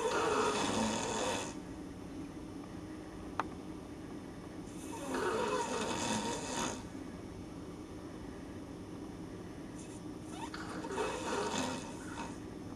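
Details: Adult male friend sleeping in a hotel room with loud, rough, rattling snores on each breath in and quieter gaps between, about three snores in 13 seconds; snoring.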